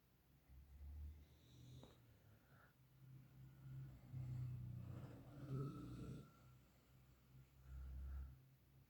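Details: Boxer puppy asleep after play, snoring: low, soft rumbling breaths with snuffling and faint whistly tones.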